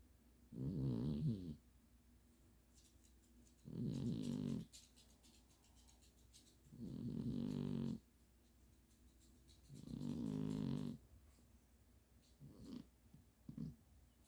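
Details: Four rattling snores, one every three seconds (about 20 breaths a minute), in a quiet room; ordinary sleep snoring.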